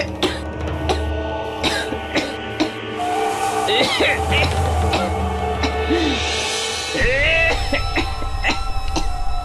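Repeated short, sharp acted coughs from an adult, heard over steady dramatic background music.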